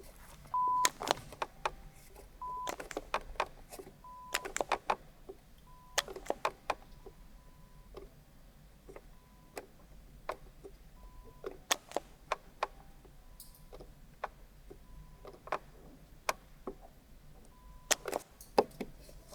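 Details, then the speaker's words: Brief steady beeps at a few pitches, repeated with pauses, amid quiet room sounds and clicks: pure-tone audiometry tones under headphones in a real ear clinic, patient pressing a button on hearing; right ear slightly worse at low frequencies. "แล้วก็ถ้าเกิดได้ยินเสียงปี๊บปุ๊ดนะคะก็กดสัญญาณตรงนี้ได้เลยนิดเดียวก็กดเลยนะคะแล้วก็พอเสียงหายไปก็ปล่อยได้พอมีเสียงอีกก็กดนะคะ"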